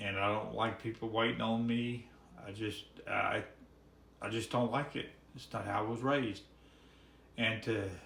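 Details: Man with ALS diagnosed in October after about five years of misdiagnosis; his speech is severely hampered and swallowing is also affected; dysarthria.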